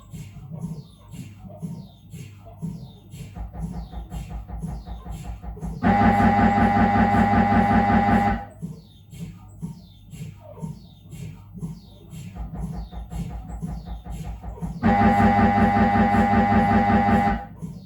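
Rapid rhythmic knocking alternating with loud sustained buzzing blocks, the typical pulse-sequence noise of an MRI scanner during a head scan.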